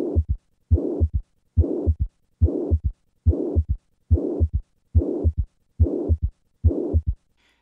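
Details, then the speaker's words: Simulated severe mitral regurgitation with a third heart sound at about 71 beats a minute: normal sounds first, then an added S3, then a loud whooshing murmur filling systole. "listen to the sound of severe mitro regurgitation with a third heart sound I will begin with normal sounds and then add the third heart sound and finally the systolic murmur"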